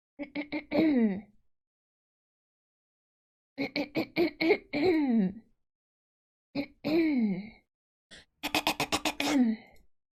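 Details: Woman repeatedly clearing her throat in bursts of short rapid grunts ending in a voiced sound, heard four times: throat clearing.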